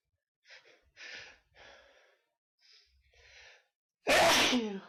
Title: Sup7 Sneezes